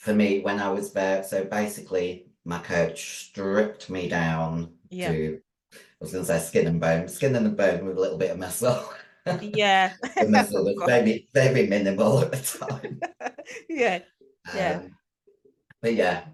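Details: Adult female bodybuilder with androgen-induced voice deepening (virilization) after large doses of male steroids (performance-enhancing drugs). Her voice was formerly high-pitched and is now very deep, and she can no longer sing.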